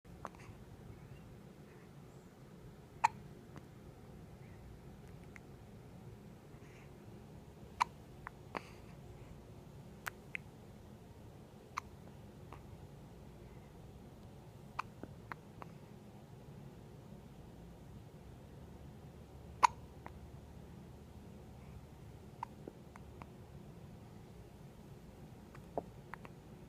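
Sharp, brief hiccup sounds recur at irregular intervals over a quiet room background.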